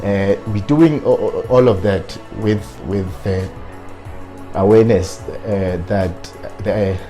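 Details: Adult man with real stuttering, present since at least his law-student years, who self-coached to work on his fluency but still stutters on certain words; stuttering.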